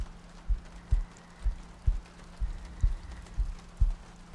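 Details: ASMR sleep-aid loop, likely simulated: soft, deep paired heartbeat thumps at about 62 per minute under light rain and hiss, meant to sound like lying next to a partner; steady heartbeat.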